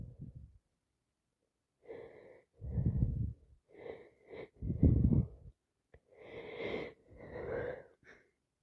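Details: Day 2 of a very congested head cold, constant sneezing, sniffing and nose blowing: several bursts of sneezing and wet sniffing with nasal snorts.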